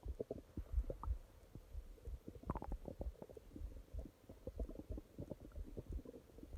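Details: Stomach growling at night: frequent low gurgles and brief squelching pops from the belly as gas and fluid move; ordinary bowel sounds.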